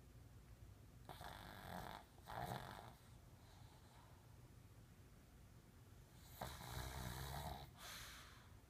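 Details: Ordinary snoring: two pairs of noisy, rattling snores over about nine seconds, separated by quiet breathing.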